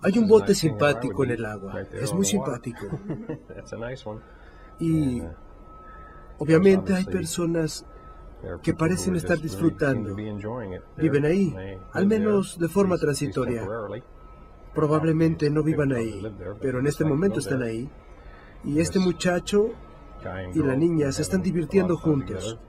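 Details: 56-year-old right-handed man, symptoms beginning almost 5 years before recording, describing a picture; semantic variant primary progressive aphasia (semantic dementia).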